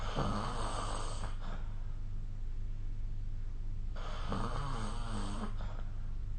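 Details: Snoring during sleep recorded with the SnoreLab app: two low, rough breaths over steady room hum, with a pause between them.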